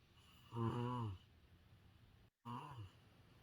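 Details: Deliberate voiced imitation of snoring, two low rattling snore sounds, demonstrating the English word "snore."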